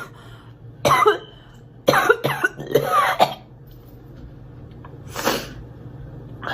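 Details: Girl's acted coughing: a short run of several sharp, hoarse coughs with a faint breath after, over steady room hum; cough.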